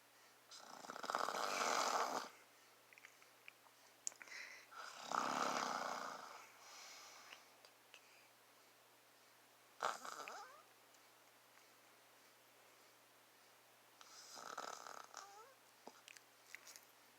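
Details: Loud rattling snores on inhaling, four snores spaced about four to five seconds apart, with quiet pauses between them; a dad snoring.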